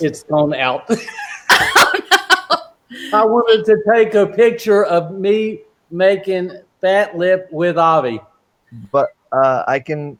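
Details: Adult man with aphasia since a stroke during heart valve surgery in 2007; shortly after the stroke he could say only one or two words; non-fluent aphasia.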